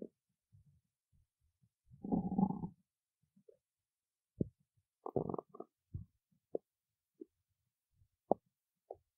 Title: stomach growling